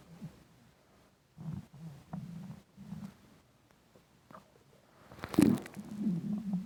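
Quiet low rumbles in short bursts, then a louder gurgling growl; normal hunger rumbling of the stomach and bowel.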